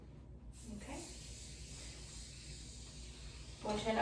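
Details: Soft, steady hiss of air leaking from a manual blood pressure cuff during deflation, with a brief louder rustle at the end; orthostatic vitals recheck about a minute after position change, arm held up, reading ending over 76.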